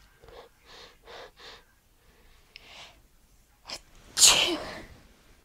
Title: More sneezingg :)